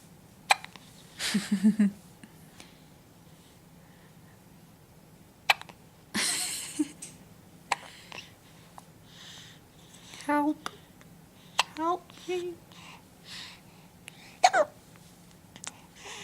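Repeated sharp, abrupt hic sounds at irregular intervals with some breathy noise between; hiccups.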